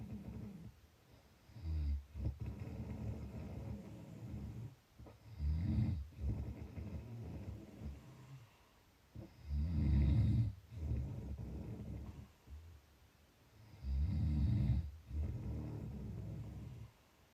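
Low, rumbling snores with each breath, about 15 breaths a minute, steady and rhythmic in a quiet room.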